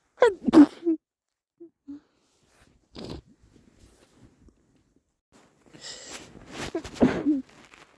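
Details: Male, stifled versus muffled sneezes: several short, muffled sneeze bursts with a sharp intake before them, one stifled and one more open, with wet sniffling; repeated sneezing.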